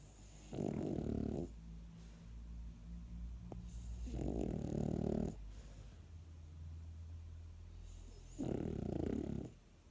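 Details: French Bulldog snoring in its sleep, as it does every time it sleeps: three rough, fluttering snores every few seconds over a steady low hum.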